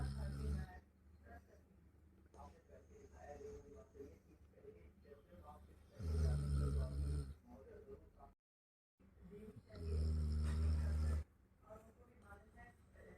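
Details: Labrador dog asleep next to the owner's bed in the morning, snoring "like a bear": two deep, rumbling inhaled snores with softer breathing between, about one snore every four seconds.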